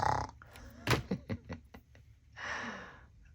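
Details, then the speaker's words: Rough snorting and grunting breaths with one longer noisy breath from a female dog sleeping nearby: snoring, quiet room background. "Oh, I have a dog snoring next to me. Can you hear her?"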